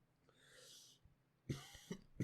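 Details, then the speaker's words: Quiet breath then several short, soft, muffled, distant cough bursts during a podcast conversation: cough. "I don't. I'll let you cough for a second. I'm sorry if you can hear it. They can definitely hear it."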